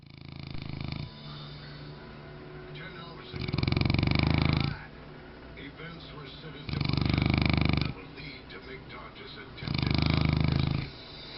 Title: Mastiff snoring